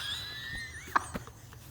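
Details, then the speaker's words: Woman with asthma wheezing while laughing on a podcast: a thin, high whistle sliding up and down during laughter, then a couple of soft clicks; wheeze. "Oh my god. Am I wheezing like an old man? [laughter] Like purposely trying not to do it. [laughter] Did you hear that? It was like a whistle."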